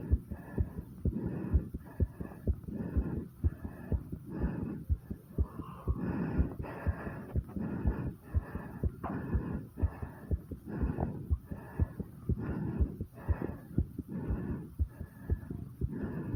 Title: Fast Heartbeat and Heavy Breathing| After 50 Squats ❤